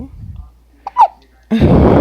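Two short, sharp voiced catches in quiet, like hiccups, followed by loud noise.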